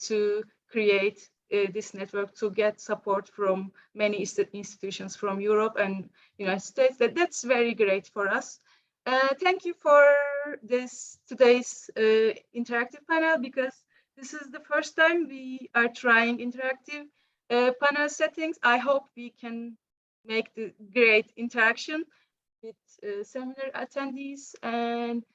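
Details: Adult woman speaking; normal voice.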